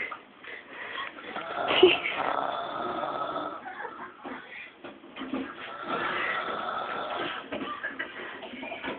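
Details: Adult man asleep on the sofa at night after a few drinks: rough, rattling breathing with louder snorts on the in-breath; snoring during sleep.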